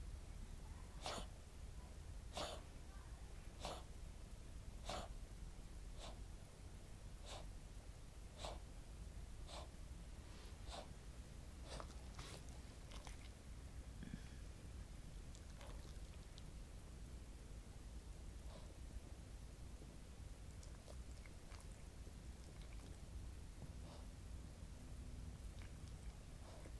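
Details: Cavalier King Charles Spaniel, born 2010, with Chiari-like malformation, hydrocephalus, syringomyelia, partial chordae tendineae rupture with regurgitation, and non-cardiogenic pulmonary edema; on waking, about a dozen harsh, choking-like coughs, then fainter ones; choking-like cough since summer 2016.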